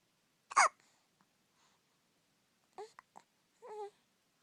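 A few abrupt, sharp gulping sounds spaced by quiet, fitting hiccups.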